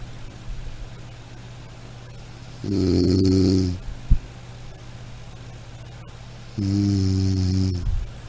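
Two low, vibrating snores on breathing in, with a quiet pause and faint hum between. Ordinary snoring.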